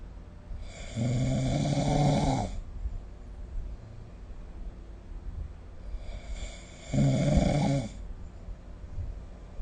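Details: Two loud, rough, buzzing inhaled snores about six seconds apart with quiet breathing between; ordinary sleep snoring recorded with a smartphone snore-recording app.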